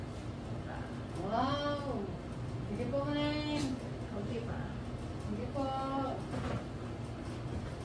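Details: Three loud wailing cries from a newborn baby just after a normal vaginal birth, with steady room noise and staff voices; a normal first cry at birth.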